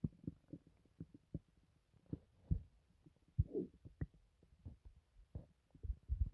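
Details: Loud stomach noises, borborygmi, from the belly of a person who reports no pain, feels fine, and was recently in hospital for an unstated reason: stomach grumbles, bubbling and gurgles.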